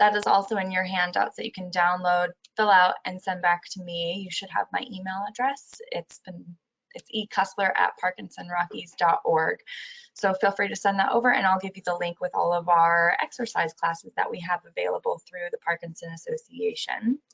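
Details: Adult woman speaking; normal speech.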